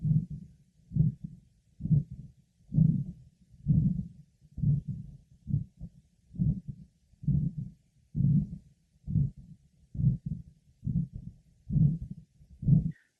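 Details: Combined aortic stenosis and regurgitation, auscultated at the aortic area, pulmonic area, left sternal border and apex.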